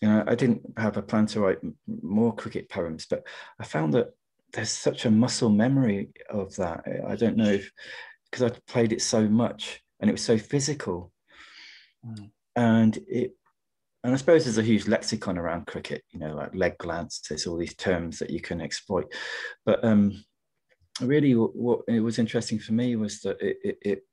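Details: Adult man who stammers, real, in a stammering-association webinar; he attributes his stuttering partly to caring too much about what he was going to say: stammering.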